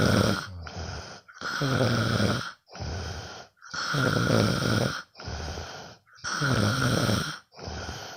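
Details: Sleeping friend recorded at night; loud, rough, rattling snores on each breath in with quieter noisy breaths out, about 14 breaths a minute; snoring.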